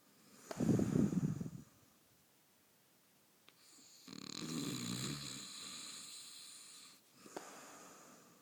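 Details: Adult husband snoring: loud rumbling snore on the in-breath, then a long hissing out-breath, faint click between breaths.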